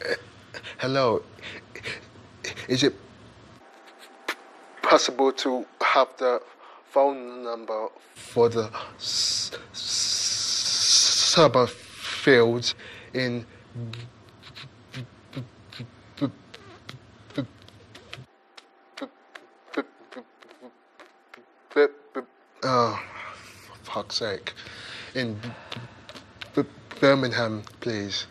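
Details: Stuttering in a 28-year-old man who stammers and has long avoided the phone, heard making a phone call.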